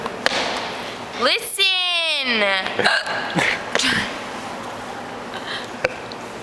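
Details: Hiccups from a woman about to start a ticket-taking shift, heard amid talk as others tell listeners to listen.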